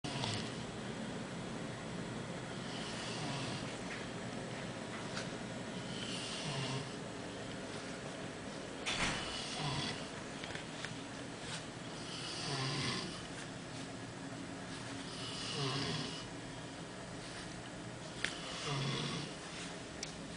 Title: Mexican Boy Snoring in a Ladies Triple Dorm